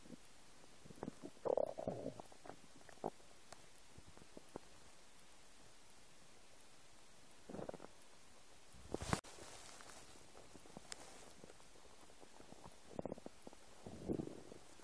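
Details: Faint scattered gurgles, squeaks and pops from the owner's own empty stomach against quiet hiss; stomach rumbling (borborygmi), ordinary bowel sounds.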